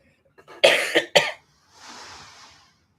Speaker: Y'all know why I'm coughing? Cuz they trying to block communication.